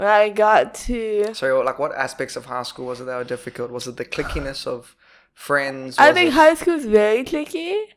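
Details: Adult woman speaking; typical speech.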